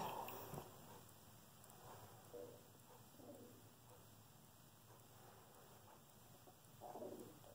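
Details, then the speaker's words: Stomach growling (borborygmi) from a person who has not eaten lunch, heard during a makeup application recording. "I'm sorry if you can hear my stomach my stomach growling I have not eaten lunch"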